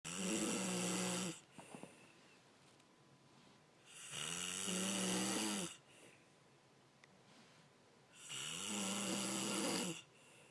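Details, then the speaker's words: Loud, rattling snores on each in-breath, about 14 breaths a minute, with quiet pauses between; deep-sleep snoring loud enough to disturb someone studying. "you were so loud I cannot study"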